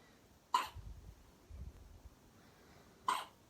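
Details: Newborn weighing 5 lb 1 oz with first hiccups while sleeping: two short, sharp hiccup sounds about two and a half seconds apart, with soft low noise between them.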